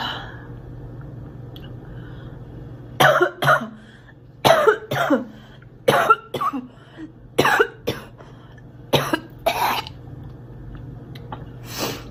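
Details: Acted coughing by a girl: several short coughs in small clusters with a throat-clearing quality, in a quiet room.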